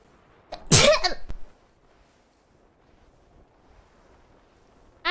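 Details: Virtual streamer's sneeze: a single sharp sneeze with a brief breath-in before the explosive burst, then quiet room noise.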